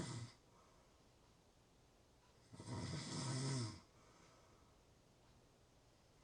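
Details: Real, not simulated, snoring: a quiet room, then one deep, rumbling snore lasting about a second; ordinary snoring.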